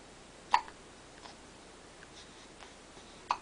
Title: Serious hiccups